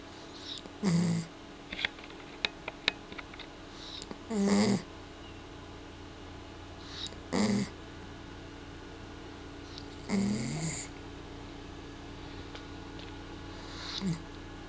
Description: Roxy, the cutest dog on the planet, snoring like a pig with her tounge out.